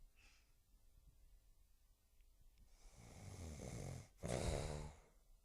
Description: my dad was snoring and so i used my "stealthy" skills to record him snoring.